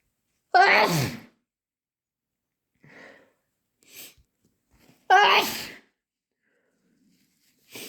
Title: Intense chhinkni sneezes and wet nose blows